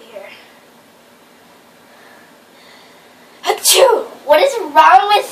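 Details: Sneeze prank on a brother coming downstairs: after a quiet stretch, a loud sneeze burst and a second sneeze-like outburst, done to startle him.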